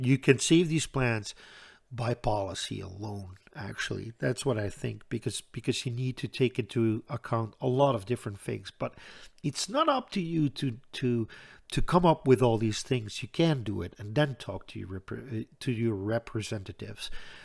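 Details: Stuttering in an adult Dutch man who reports a stutter in which he always hangs up between his words.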